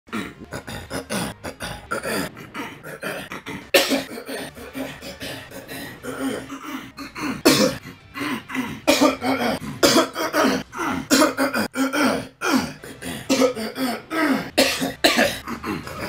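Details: An adult man gives a rapid run of loud, harsh coughs and throat clears one after another, a compilation lasting about 38 seconds; cough and throat clearing.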